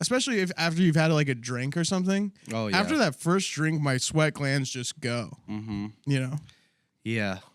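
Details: Adult male speaker; ordinary speech.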